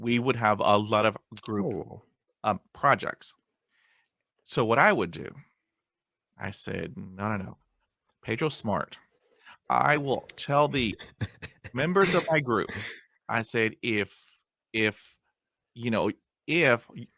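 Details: Stuttering in an adult man who still gets hung up on words after 20 years of speech therapy.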